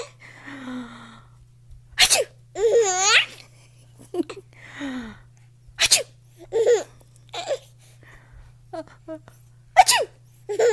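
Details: A baby boy laughs at the sounds of sneezing: short, sharp, sneeze-like bursts mixed with squealing baby laughter and babble.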